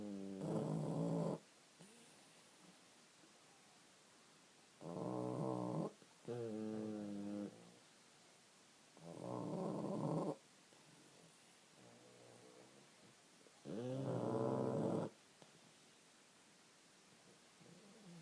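Loud, rattling, tonal snores recur every few seconds, some in quick in-and-out pairs, over a quiet background: heavy snoring.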